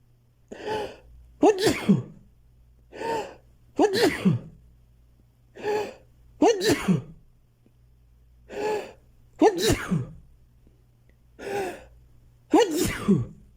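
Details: Five sneezes recurring every few seconds, each a sharp indrawn gasp followed by a forceful burst; repeated sneezing.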